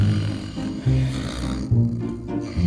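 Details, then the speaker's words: Person snoring in bed, heard loudly enough to keep a bed partner awake. "Oh, that's it. That's the sound of knowing you won't sleep tonight."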